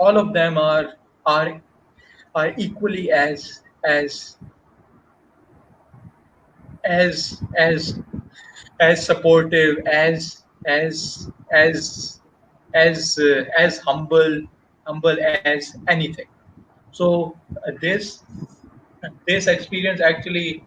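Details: Stuttering in an adult man who has stammered since age 6, a Toastmasters member, with word and part-phrase repetitions.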